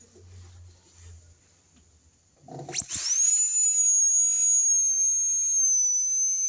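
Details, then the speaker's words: Brief low noise, then a sudden steady high-pitched whine with hiss held several seconds: a high-speed dental drill rounding the angle between the labial face and incisal edge in a veneer preparation. "a redondear este ángulo que se formó entre la cara vestibular y borde incisal. Siempre van a ser ángulos redondeados."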